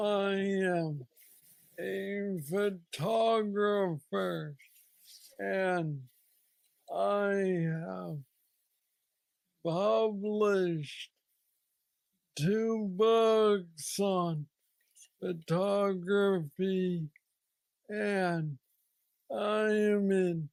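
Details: Hypokinetic dysarthria in a man with aggressive Parkinson's disease diagnosed at age 35, about nine years earlier, treated with a brain stimulator implant.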